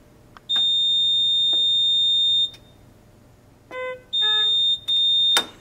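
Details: Puritan Bennett 840 ventilator after completing its short self test (SST) pre-use check: a long high electronic tone, then stepped beeps and two more tones as it runs an electronics self-check.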